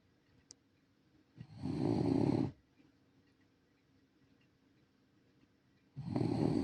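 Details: Senior rescue Shiba Inu dog asleep in a quiet room: two long, rough, low snoring sounds on the breath, a few seconds apart; ordinary snoring.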